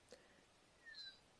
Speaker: it until you get a bit of this whistle, which we call feedback This is a way of knowing that sound is travelling into the microphone and it's coming out into the little speaker that goes in the ear.